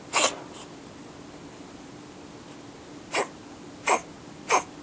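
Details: Siamese cat coughing oddly with tongue out while on a fan heater: four short, harsh, hissing bursts separated by pauses, over a steady low room hum.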